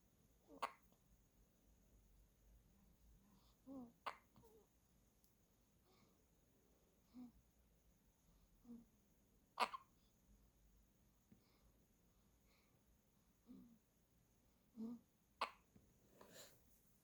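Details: Soft, brief, sharp catches about ten a minute over quiet room noise from a newborn hiccupping, held warmly in a hat and socks until the hiccups stop; room at 25.5°C; ordinary newborn hiccups.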